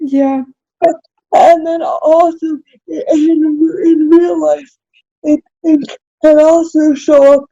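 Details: Adult woman with cerebral palsy, self-described as spastic, in real conversation; spastic dysarthria (cerebral palsy).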